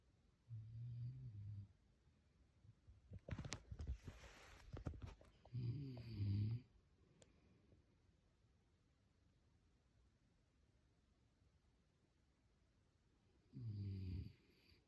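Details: Low, rattling snores on breathing in, recurring several seconds apart, with faint rustling between them: snoring.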